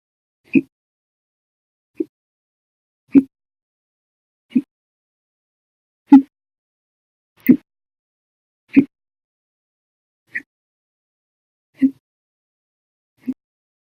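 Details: Hiccups episode lasting 12 hours 36 minutes after breakfast, lunch and 2 cups of soda after dinner: ten short, abrupt gulping clicks about every 1.3 seconds (≈45/min), described as violent, loud and silent.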